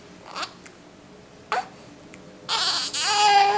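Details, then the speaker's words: Infant boy with hiccups: two short hiccup sounds, then a fussy, rising cry begins. "Oh, goodness. Now you're going to fuss? No, he has the hiccups. Oh, hiccups again."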